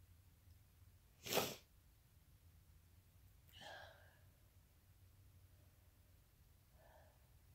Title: Induced sneezes... with chhinkni - and talking when less successful